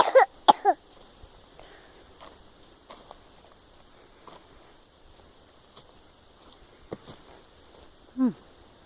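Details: An adult cough: a quick burst of three harsh coughs, then quiet room noise with faint clicks and one short voiced sound near the end.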